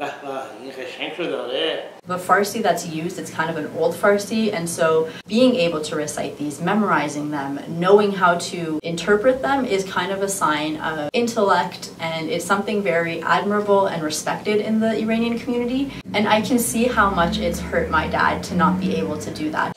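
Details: Adult speaker; no disorder.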